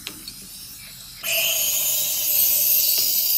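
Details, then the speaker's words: Steady high hiss of gas flow starting abruptly, with a faint tone: a nebulizer on a simple mask without a reservoir bag, run on oxygen tubing from a tank, aerosolizing albuterol in an EMS training demonstration. "so now what we can see is it's aerosolizing the patient's now able to breathe the thing"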